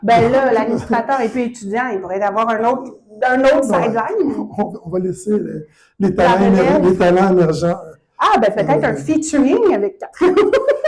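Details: Adult speaker; normal voice.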